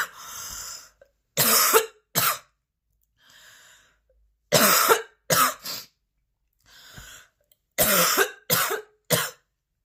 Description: A 10-minute video featuring an extremely intense and persistent coughing fit.